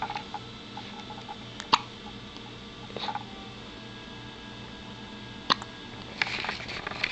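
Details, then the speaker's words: Infant girl with hiccups: brief sharp hiccup sounds, a few over seven seconds, over steady background noise. "Got the hiccups. You're so cute, baby."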